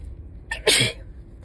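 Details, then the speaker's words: Woman, very stuffed up, sneezing while driving; sneezes now drier and less messy than before: a single sharp sneeze with a brief intake before it over low car noise; allergic sneeze. "It's not my first time sneezing and driving. I would not be driving if it weren't I would not be driving if it weren't safe. It's weird because these sneezes honestly feel kind of different compared to the ones that I had before."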